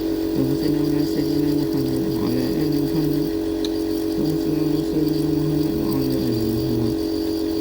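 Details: Nebulizer compressor running during a breathing treatment for Maryam, given for a cough: steady mechanical hum, with faint voices and room noise in the background.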